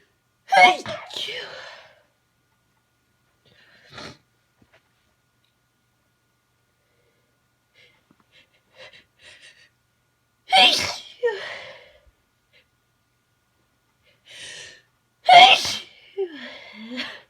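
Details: Sneezing fit on an unusually sneezy day, with stuck sneezes that build and fade: three loud sneezes, each with a gasping buildup, quiet breaths between.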